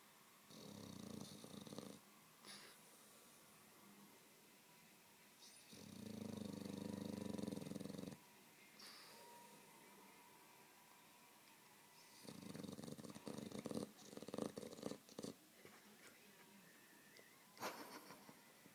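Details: Sleeping female Staffordshire bull terrier on a bed: a few long, rough snoring breaths and soft snuffles in a quiet room; ordinary sleep snoring.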